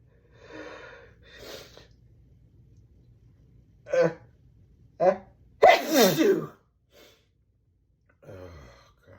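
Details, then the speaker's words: Person trying to hold back sneezes, saying they can't hold back: quiet breathy build-up with small catches, then one forceful explosive sneeze and a soft trailing breath. "Oh god, I can't can't hold back. I got to sneeze."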